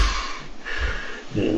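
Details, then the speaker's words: Quiet low rumble, then a sudden loud snorting breath as breathing restarts after about 1 minute 15 seconds of obstructive sleep apnea. Oxygen saturation fell to 49%. "а у человека 49 но слава богу он через минуту 15 начнёт дышать потому что мозг проснётся и подумать что я уже умираю"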